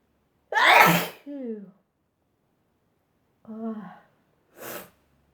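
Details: Two explosive sneezes into a tissue, each followed by a voiced sound and slightly muffled. Sneezing.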